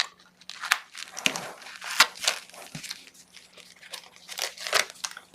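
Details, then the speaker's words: Crinkling, snipping rustles of scissors cutting a hole for the track pad in negative pressure wound therapy drape, dressing a wound beside a fistula with convex barrier rings. "And then we're going to cut a hole for our trackpad."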